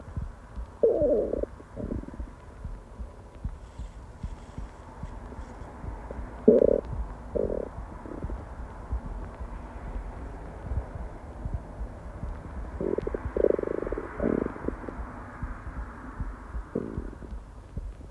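Soft, irregular gurgles and short growls over quiet background noise; ordinary stomach growling.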